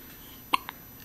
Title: Hiccups make us mad.